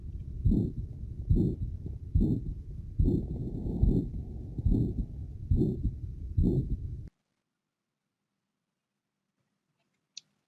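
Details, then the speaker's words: Teaching heart recording from the Tromsø study, from a female volunteer aged 40 or over with known lung disease and inspiratory crackles, on whom echocardiography was sought. Regular heartbeat about 71/min with a rushing systolic murmur between beats. "You hear a systolic murmur."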